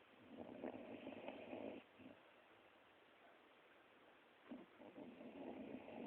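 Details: An old female Border Collie who spends most of her time sleeping gives two rough, fluttering breath noises about three seconds apart with quiet between them; snoring.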